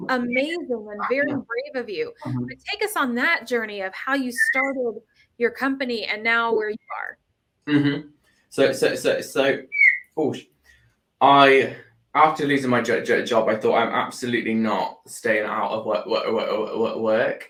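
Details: Adult man with Tourette syndrome that began about four years earlier after seizures and brain swelling, with motor and vocal tics and a stammer that followed a loss of speech; vocal tics with stammering.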